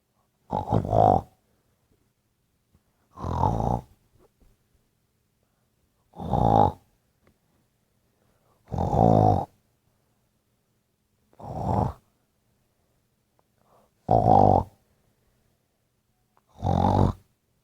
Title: Snoring part 4